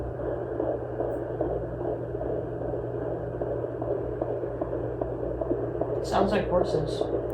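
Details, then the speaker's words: Fetal heartbeat on a Sonoline B handheld Doppler with aloe gel, in a plus-size pregnancy; rapid whooshing pulses near 150 a minute, like a galloping horse, with steady hum. "Sounds like horses. It sounds like a horse galloping."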